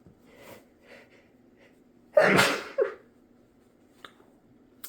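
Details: Soft breathy build-up, then one loud explosive sneeze with a short trailing burst: a normal sneeze from a man who had a stuffy nose that day.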